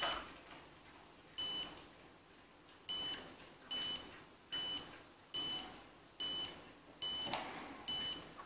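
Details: Regular short beeps, one per detected pulse, at about 70 to 80 a minute from a portable, battery-powered Arduino fingertip pulse sensor with an OLED display. It shows the maker's normal resting heart rate.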